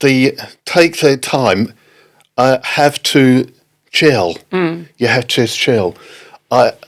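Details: Adult man with aphasia after a stroke in October 2019, affecting speaking, reading and writing; halting, non-fluent speech; non-fluent aphasia.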